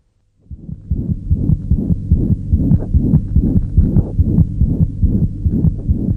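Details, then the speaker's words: Child's heart auscultation: a rapid heartbeat with a continuous whooshing murmur filling systole between the heart sounds, a holosystolic murmur. "Can you hear this holosystolic murmur? In addition to the duration of a murmur, we also judge its loudness on a scale of 1 to 6."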